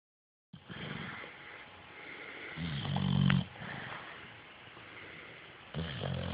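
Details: Pit bull recently adopted from a shelter, asleep: low, rumbling snores with each breath, one louder snort midway; ordinary snoring.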